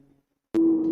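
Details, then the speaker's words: Wheeze in bronchial asthma: a brief chest sound with a steady musical whistle over breath noise from narrowed airways. "the severity progresses the wheezing can be more prominent more diffused and at a higher pitch"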